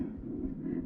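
A brief burst of continuous, harsh, rumbling noise filling the heart cycle: a loud systolic murmur from double-chambered right ventricle, closely resembling a holosystolic VSD murmur.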